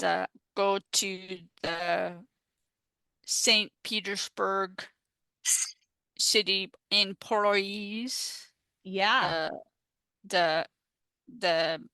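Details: Adult woman with aphasia after stroke, a peer-support advocate; finding: aphasia.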